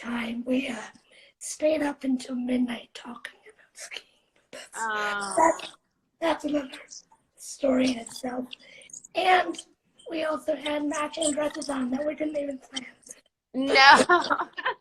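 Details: 17-year-old female motivational speaker living with cerebral palsy, speaking in a live interview; dysarthric speech in cerebral palsy.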